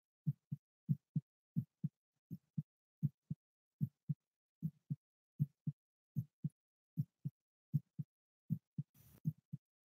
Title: ASMR live heartbeat